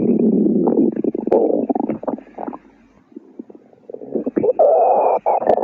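Long rumbling, gurgling stomach growls with a short quiet pause midway; ordinary bowel sounds.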